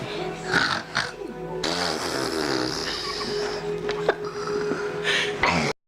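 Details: A child imitates his father's snoring with rough, rattling snore-like noises over steady background music; imitated snoring.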